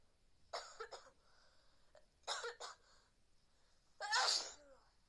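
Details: Adult with a cold from wet hair and cold office air-conditioning, sneezing repeatedly: three sharp, explosive sneezes in a quiet room, the last the loudest.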